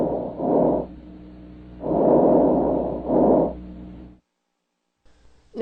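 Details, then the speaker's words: Diminished vesicular breath sounds, NCLEX teaching sample: soft, low-pitched, shorter and seemingly more laboured breaths than normal vesicular sounds, no wheeze; may reflect early pneumonia, mucus, pneumothorax or misplaced tracheal tube. "did you notice the difference between a normal vesicular breath sound and a diminished vesicular bath sound they basically sounded the same didn't they but the second sound was shorter"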